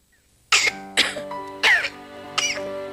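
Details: Simulated cough in a 1997 Indonesian cough syrup TV advert, recorded from VHS/Betamax tape: four sharp harsh acted coughs from an adult, evenly spaced, over sustained background music.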